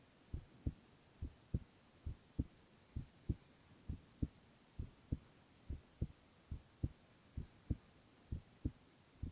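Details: Silent ASMR recording of a male's continuous heart sounds: steady, regular low thumps at about 67 beats a minute over faint hiss; normal heart sounds.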